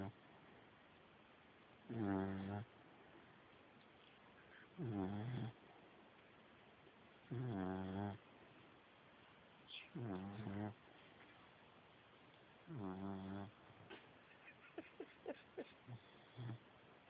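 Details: 4-month-old American bully (titled American bulldog) puppy snoring during sleep: regular vibrating snores about every three seconds, roughly 20 a minute, with small whimpers at the end.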